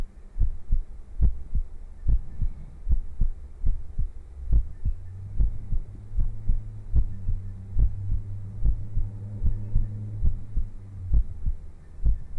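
Steady low thumping heartbeat at about 71 beats a minute over a faint hum; a regular, ordinary heart rhythm.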